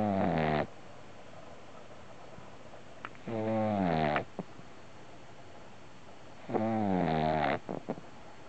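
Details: Sleeping puppy giving three short, high, whistling snores about three seconds apart, roughly 19 a minute, with quiet pauses between them: ordinary snoring.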